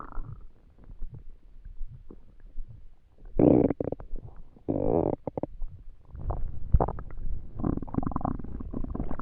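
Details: Stomach noises while trying to sleep on an empty stomach: gurgling, groaning rumbles and squelches of varying length from the abdomen; hunger-related borborygmi.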